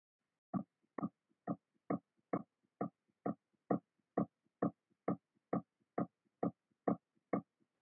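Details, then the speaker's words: Normal newborn heart sounds in a newborn cardiac assessment: a fast, regular heartbeat at about 135–140 a minute with clear S1 (mitral and tricuspid closure) and S2 (aortic and pulmonic closure). "the first sound is the s1 which is the closing of those those mitral and tricuspid valves at the beginning of systole and then the second heart sound s2 is the closing of the pulmonic and the aortic semilunar valves at the beginning of"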